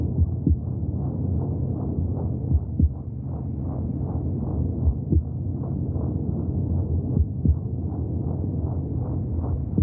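Muffled, rhythmic whooshing pulses under steady low rumble, like a heartbeat heard from inside the womb.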